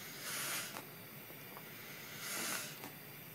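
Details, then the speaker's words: Precision Medical heliox blender setup: flow meter turned on for the non-rebreather side, steady soft hiss of gas flowing into the mask as the reservoir inflates, with faint handling noise. "so what I'm going to do now is I'm going to turn on our flow meter for the non rebreather side and you can see the reservoir inflate"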